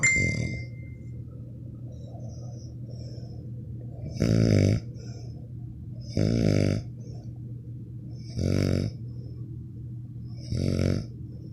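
Five deep, droning snores at a steady pace of about 27 a minute over a constant low hum; snoring.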